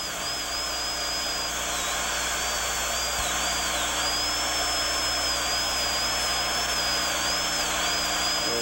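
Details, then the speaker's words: Steady high-speed dental handpiece whine, wavering while cutting, reducing the distobuccal cusp from its tip using guide cuts, on a rotated mandibular left second primary molar with gross caries in a child, stainless steel crown preparation. "Reduce the distobuccal cusp, starting at the tip, and using the guide cuts to determine the amount to be removed."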